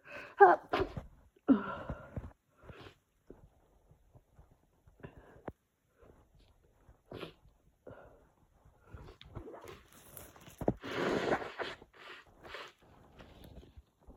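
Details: Summer cold, increasingly congested, in a sneezing fit: stifled sneezes and a louder full sneeze with breathy intakes between, in a quiet room.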